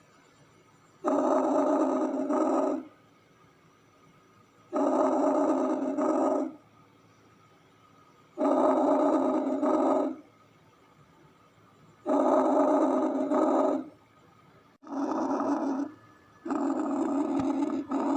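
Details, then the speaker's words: Normal vesicular breath sounds from healthy lungs through a stethoscope: soft, regular rushing breaths at about 16 a minute, arising from the alveoli. "فاسكولار راجع ليه اللي هي الحيصلات الهوائية اللي بتبقى موجودة في تركيب الرئتين، وده صوت يعتبر صوت طبيعي لتنفس طبيعي."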